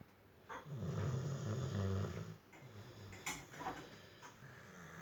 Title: Gabbar snoring in bad condition after heavy dose of vaccine